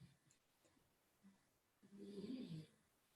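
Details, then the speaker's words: Sleeping dog snoring during an online group call: a single low, rumbling snore in a quiet room with faint background noise. "you hear Rusty snoring?"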